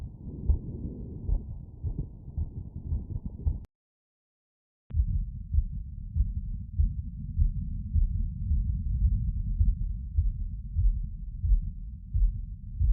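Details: Fast, regular heart sounds heard through a stethoscope over the aortic valve area after workload, roughly 100 beats a minute; normal heart sounds after exercise.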